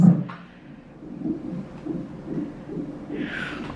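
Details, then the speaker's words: Fetal heartbeat on a labor and delivery monitor: soft, rapid, regular whooshing pulses, judged good. The mother was admitted for very high blood pressure, headache and swelling; the second son was later born prematurely. "yeah baby sounds good blood pressures are good one random high one"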